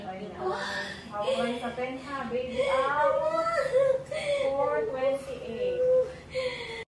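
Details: Newborn's high, wavering first cry moments after a normal birth at a birthing home, with midwife coaching and adult voices and room noise around it; a normal vigorous cry.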